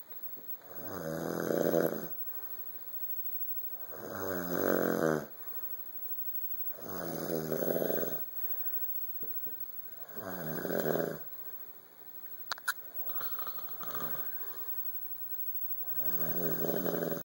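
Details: A father asleep on the couch snoring: regular rumbling snores about every three seconds, around twenty breaths a minute, over a steady background hum.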